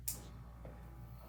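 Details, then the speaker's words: External urine collection (PureWick) low-vacuum suction unit running normally: faint, steady low hum. "And it just hums like that."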